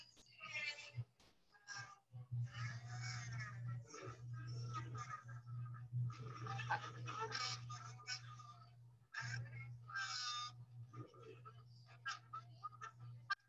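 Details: Patient undergoing nasendoscopy, circular closure pattern with variable gap size, good closure on some sounds and a large gap on others; no submucous cleft palate; full closure on swallowing only; velopharyngeal dysfunction.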